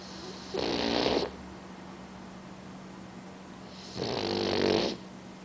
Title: Boxer Puppy "Snoring his cute lil ass off"